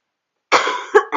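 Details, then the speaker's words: Adult with poorly controlled asthma: one harsh, loose chesty cough with a short second effort. Lung function fell from 69% in November to about 51–61%. Has a croaky throat and wakes all night; five days on new inhalers without much change. "I have a bit of a Croce throat I've got a chesty cough and I'm waking up all through the night"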